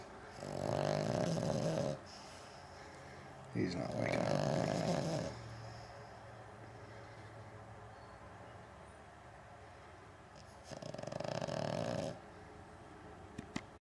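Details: Sleeping dog that won't wake when called, heavy snoring: three loud, drawn-out rumbling snores with quiet pauses and slow breathing between.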